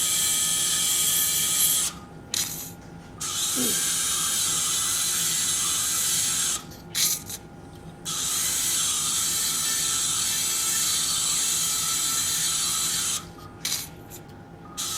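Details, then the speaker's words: Surgical bone drill: high-pitched whine in long bursts with short pauses, drilling very hard ear canal bone at the anterior superior angle during transcanal revision tympanoplasty for severe tympanic membrane lateralization after previous surgeries. "okay I don't have a complete control of this uh anterior Superior Angle now maybe I have to R out a little bit more and check [Music] that really strong bone really"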